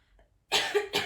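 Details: Two harsh, noisy cough bursts from an adult woman while smoking a cigarette: smoker's cough.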